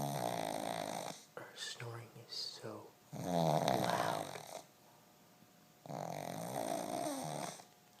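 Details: Female pug, asleep after a tiring day in a workshop and possibly dreaming: loud, rattling, fluttering snores in long breaths, with short snorts and squeaks between; snoring in a flat-faced dog.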